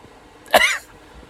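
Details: A single sharp explosive sneeze under half a second, deliberately triggered by putting cayenne pepper on a cotton swab into the nostrils, with burning.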